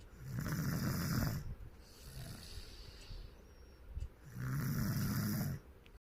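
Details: Snoring, with two long, low rumbling snores and a quieter breath between them, heavy vibrating noise on each breath in.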